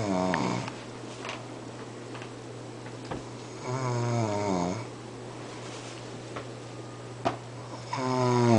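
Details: Rhythmic droning snores on the in-breath, roughly 15 a minute, from someone who fell asleep among friends, over a steady low room hum; ordinary snoring.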